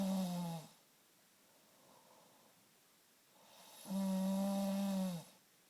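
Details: Adult man (husband) who snores every night, recorded in a dark bedroom: two deep, vibrating snores on breathing in, about three seconds apart, with quiet breathing out between; loud snoring.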